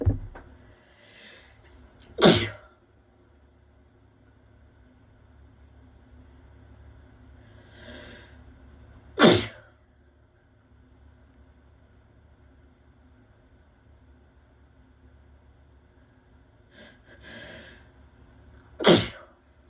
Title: Wet sneezes